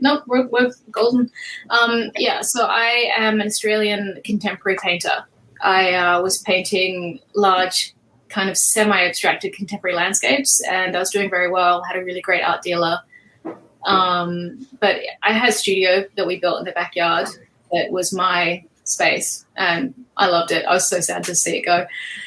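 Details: Adult woman speaking; normal speech.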